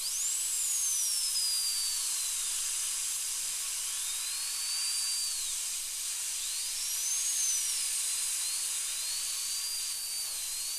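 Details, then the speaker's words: High-speed dental drill slowly cutting a large old amalgam on tooth number two, a second molar, down to the liner during crown preparation under rubber dam on a numbed patient: high-pitched whine rising and falling under steady hiss. "so basically this is just an exercise and just going nice and slow and uh if you see a liner you can just take it right down to that liner"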